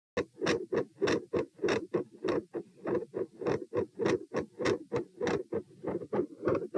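Fast heartbeats near 100 a minute with a rough, noisy sound filling the gaps, suggesting a murmur.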